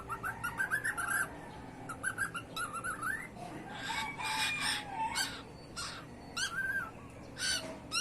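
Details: Pet cockatiel with a hoarse voice, chirping and mimicking calls after the household dog barks; hoarse voice.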